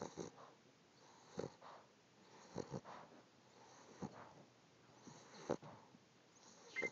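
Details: Sleeping dog snoring: snorting, rattling breath noises repeating irregularly, about 45 per minute.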